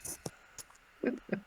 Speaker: bless you thank you that was a very high pitch sneeze I know I sound like a mouse every time I sneeze